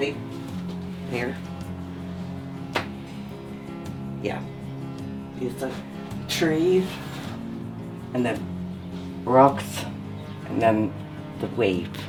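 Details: Woman with aphasia after a stroke that occurred when she was 4 months pregnant; aphasia.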